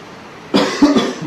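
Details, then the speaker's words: Adult patient asked during cardiology examination to give a good voluntary cough to clear residual fluid from the lung bases before listening for crackles; single cough. "we go and that will clear any residual fluid that's in the base of the lung"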